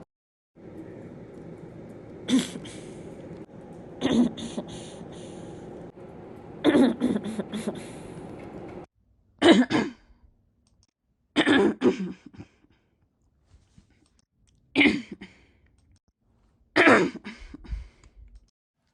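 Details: Adult ill with flu: about seven harsh, separate coughs over roughly twenty seconds, some with throat clearing; flu cough.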